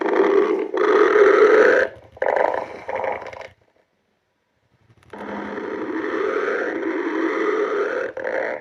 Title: stomach growling